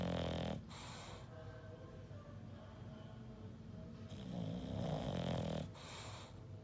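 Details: English Bulldog sleeping; loud rattling snores with a long noisy in-breath between bursts; ordinary snoring.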